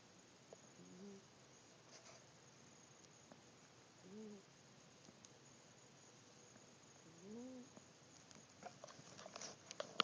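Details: Three very quiet, faintly tonal snores about three seconds apart, roughly 20 breaths a minute, with soft rustling near the end; gentle sleeping snoring in a black cat.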